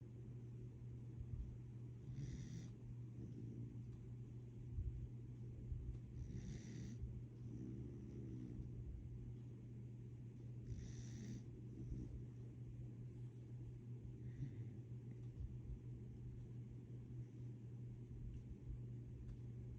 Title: CORGI SNORES (Turn up volume) #corgi #cuteanimal #corgifun #funny #cutepuppy #corgistagram #corgiday